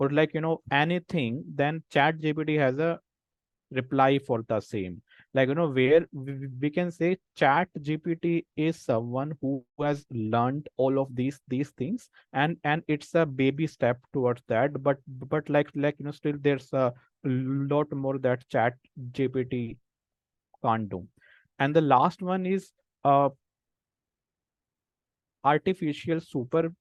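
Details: Speech of an adult man who stammers, a senior volunteer of an association of people who stammer who have taken a self-help path; stammering.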